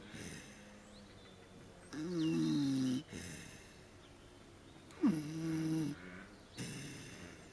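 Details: Two long, grunting, pig-like snores a few seconds apart during an afternoon nap in a puddle, over quiet outdoor-sounding background; snoring.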